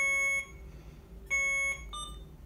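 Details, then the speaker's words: Infusion pump air-in-line alarm; the pump allows about 3.5 inches (about 1 cc) of air past the inline sensor before alarming: loud high electronic alarm beeps in a room. "It will also allow about 3.5 inches worth of air in your tubing before it alarms. And that sounds like a lot, but it's probably about 1 centimeter cc. So it will eventually alarm,"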